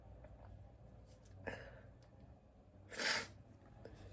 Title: sneezing (M)